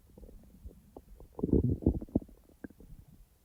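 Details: A person's own abdominal bowel sounds, not recorded in real time: gurgling, bubbling rumbles, louder in the middle; ordinary digestive borborygmi.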